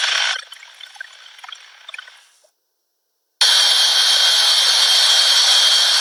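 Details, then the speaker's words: Simulated tinnitus audio example: a hissy noise fades away, then a loud, steady, high-pitched ringing with rushing hiss, the continuous ringing or noise perceived in one or both ears. "so you can hear that there's really a wide range in one or both ears wide range it's this continuous ringing or noise perception that happens in the ear"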